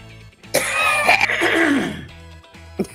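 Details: A single loud, harsh, wet-sounding cough with throat clearing, likened to a horse hocking, over steady background music.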